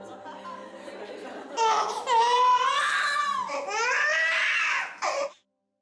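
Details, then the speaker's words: Infant crying in several rising and falling wails, played in an experiment where teen mothers correctly identified their own babies by the sound of their cries alone. "this experiment illustrates the effects we asked 10 months to identify their own babies by the sound of their cries"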